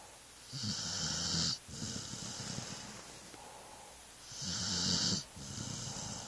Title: Snoring dog